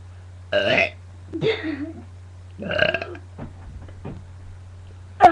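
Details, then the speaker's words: Burping by a girl: about ten voiced belches in a row, some long and rumbling, others short, over a steady low hum. "Hi, I'm about to burp you a lot of burps."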